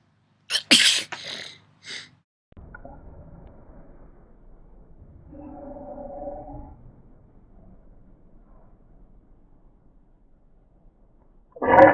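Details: A loud sneeze burst with a short follow-up, then quiet room noise and faint voices; another sneeze begins at the end.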